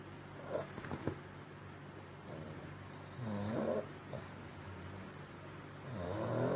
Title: FUNNY BULLDOGS SNORING🌈 🐕#2023 #bulldogs #cute #shorts #lol #shortsfeed #viral #funny #animals #pets